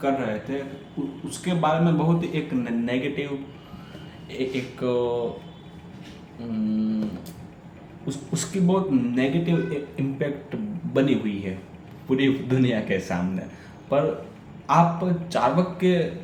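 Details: Adult man who stammers, on Day 6 of a daily stammering practice routine, reading a story aloud in Hindi, with audible repetitions and revisions; stuttering.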